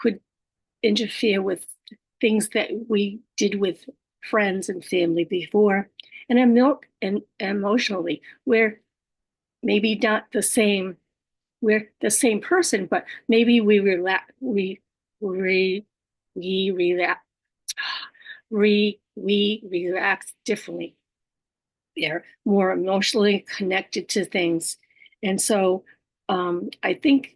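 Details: Adult female stroke survivor living with aphasia, apraxia of speech and dysarthria; part-word repetitions, repeated words and fillers. Aphasia with apraxia of speech.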